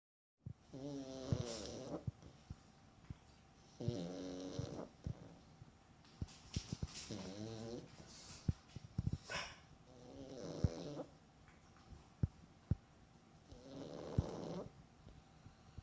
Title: Moose snoring